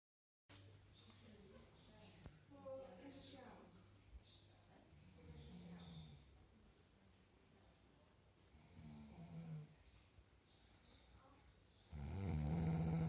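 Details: Adult woman (partner's twin sister) snoring while asleep on holiday: low rumbling snoring breaths over steady room hum, with a louder burst of noise at the end.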